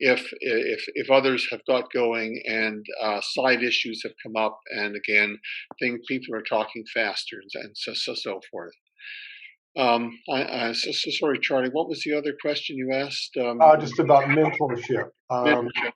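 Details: Retired male academic with a PhD who stutters, severe when young, now reasonably well controlled most of the time; part-word and word repetitions; stuttering.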